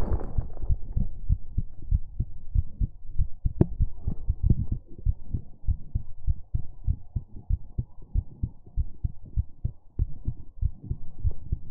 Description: This is another Heartbeat Sounds ASMR video.